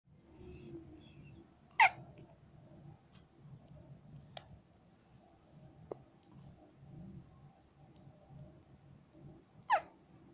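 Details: Soft breathing with two sharp, abrupt hic sounds about eight seconds apart and faint clicks: hiccups in a sleeping boy.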